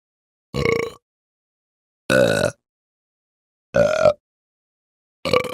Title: Burp and Belch Sound Effect